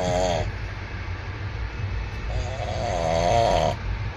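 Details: Person snoring in sleep on a moving train: two loud, buzzing snores over the steady rumble of the train.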